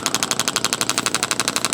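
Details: Radial shockwave therapy handpiece (Intelect RPW 2) giving rapid clicking pulses, about twelve per second, on sensitive tissue during chiropractic treatment, with intensity turned up slightly; clicks come from a magnet hitting metal inside the device, not from tapping skin.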